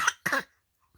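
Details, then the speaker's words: Child playfully imitating her father's cough: two short, dry cough bursts in quick succession, then silence; father has an itchy throat and she is told not to copy his coughing. "No. Ba đừng ho nữa. Ba ngứa cổ ba ho chứ tự nhiên con ho theo."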